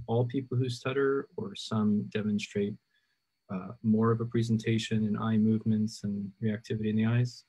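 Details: Adult male speaker; typical speech.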